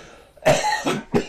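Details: Grandfather with emphysema after about 35 years of smoking gives two deep, harsh coughs, a chronic deep cough.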